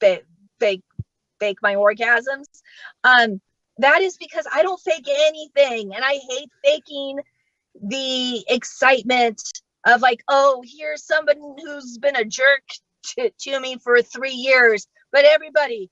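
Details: Adult woman who states she has genuine, unfaked stuttering, speaking during a comedy set at StutterFest 2022; stuttering.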